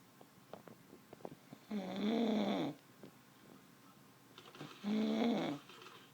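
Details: Man snoring loudly enough to wake someone again: loud, rattling snores on each in-breath, about 21 breaths a minute, with quiet pauses between them, heavy snoring.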